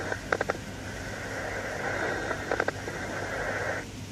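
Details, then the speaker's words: Posterior thorax auscultation: breath sounds with loud, low-pitched bubbling crackles starting early in inspiration: coarse crackles. "Coarse crackles are loud, low-pitched bubbling sounds that start in early inspiration."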